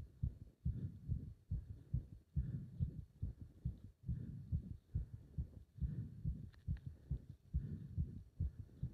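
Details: Heart sounds during leg wrench exercise: fast, strong, regular heartbeat with thumping low beats of about 140 a minute, pounding so hard the pulse was felt up to the subclavian artery; a rapid heartbeat during exercise.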